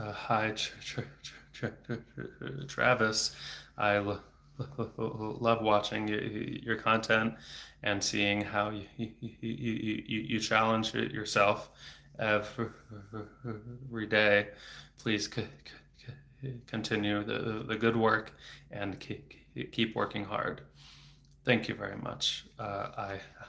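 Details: Adult man who stutters, onset around age 8-9, with speech therapy on and off until his early 20s; reading chat aloud in a livestream; stuttering.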